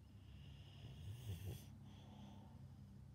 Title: Senior boxer dog snoring QUITE loudly!